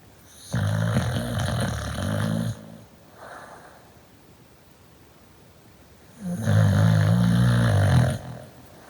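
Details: Loud, low, rattling snores in long bursts with quieter gaps between breaths during sleep; ordinary snoring.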